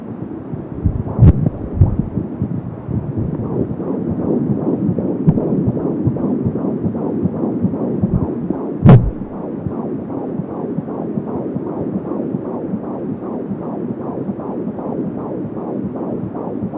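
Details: 15 weeks pregnant: fetal heartbeat heard with an Angel Sound fetal Doppler, rapid, regular whooshing beats at about 170 per minute; the swishing "hyun-hyun" sound is the umbilical cord.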